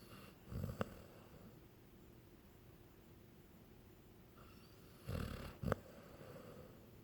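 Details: Snoring: two short, rough snoring breaths with snorting catches, several seconds apart, in a quiet room.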